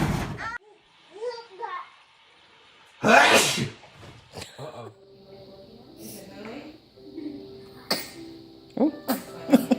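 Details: Baby sneezing in a compilation clip: a single abrupt, breathy sneeze burst amid adult talk and faint music; ordinary baby sneeze.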